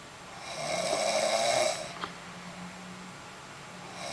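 A single drawn-out, buzzing snore on breathing in, followed by quieter breathing in a small room; ordinary snoring.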